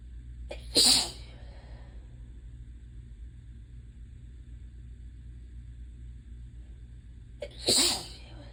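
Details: Sneezing from allergies (hay fever), with no fever: two forceful sneezes several seconds apart in a quiet room, part of a relentless repeated sneezing bout.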